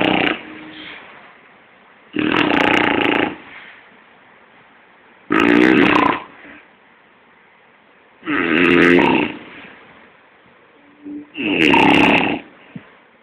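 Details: Snoring (koorkkam vali) from a sleeping person in Kochi, Kerala, India: loud, harsh snores about every three seconds, roughly 20 a minute, with quiet breathing between; ordinary snoring.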